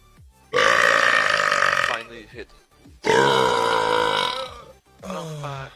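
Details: A man burping in a compilation: two long, loud, deep voiced belches, each over a second, then a shorter one.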